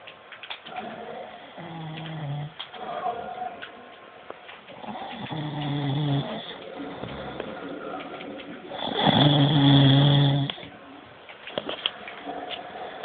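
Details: Man snoring: loud, rattling snoring with a fluttering quality through several breaths, including one long, strong snore, over steady room noise.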